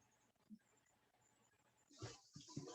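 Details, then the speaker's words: Dog snoring in the background during a math lesson: faint low snorts, then louder rough, noisy breaths. "well i want to get rid of this x2 wondering if you can hear my dog snoring in the background"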